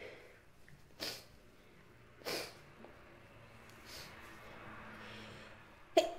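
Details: Sneezing: a few short, soft, breathy nasal bursts followed by a sharper final burst, consistent with small sneezes.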